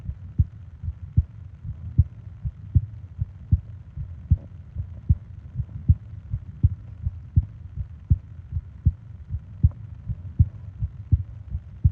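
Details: Steady, low, paired heart thumps at about 75 beats a minute, from a 20-minute ASMR heartbeat and breathing recording made for falling asleep; an ordinary heartbeat.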